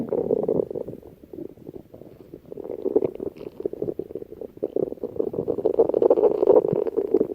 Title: Lal Mirch’s stomach growling